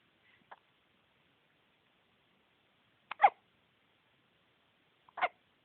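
Three short, sharp hiccups in a quiet room, a few seconds apart, each an abrupt catch of breath.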